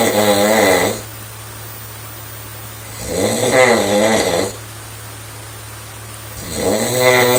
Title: AMAZING Snoring young Girl !! Impressive